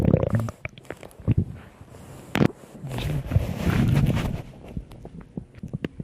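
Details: Ordinary stomach growling (borborygmi): low, bubbling gurgles and rumbles from the belly that come and go.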